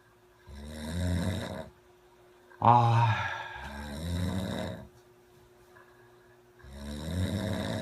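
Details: Loud, low, rattling snores from a sleeping friend recur with each breath, with a faint steady hum in the room; ordinary snoring.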